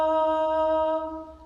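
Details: Singer demonstrating a clean sung tone with good vocal fold closure, contrasted with the crackly tone of singing through inflammation or mucus.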